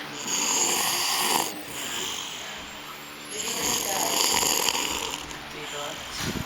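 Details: Person snoring: two loud, rough, hissing snores on inspiration about three seconds apart, with quieter breathing between.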